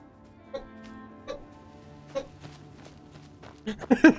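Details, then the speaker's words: Faint, repeated short hacking coughs from a male pet cat in the background of a live stream, building to a louder cluster at the end; the same cat had been sneezing earlier. "oh God the C the cat is uh the cat's coughing as well now you"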